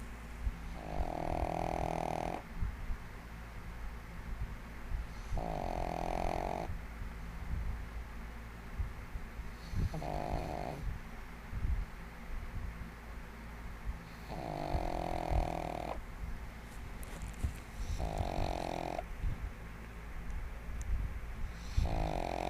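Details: A 1½-year-old female pug sleeping soundly and snoring loudly: regular buzzy, rasping snores, about 16 a minute, over steady room hum.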